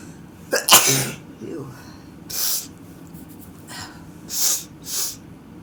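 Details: A sharp sneeze followed by several softer hissing, sneeze-like bursts; repeated sneezing, not snorting.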